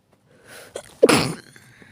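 A brief breath in, then one sudden explosive burst of air: a single sneeze.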